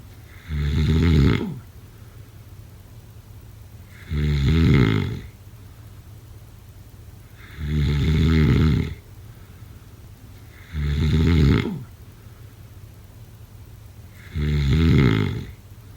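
Five loud, rattling snores on the in-breath, roughly 17 a minute and fairly regular, with quiet pauses between them: ordinary snoring.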